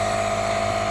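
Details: Steady, even mechanical hum with a faint whine, the continuous motor drone of a nebulizer compressor, used for a young boy who was coughing uncontrollably after riding bikes; his coughing is heard in the background.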